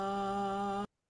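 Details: Simulated voice from a computational laryngeal muscle activation model, with complete vocal fold closure giving a more normal voice than breathy voice; normal voice (simulated).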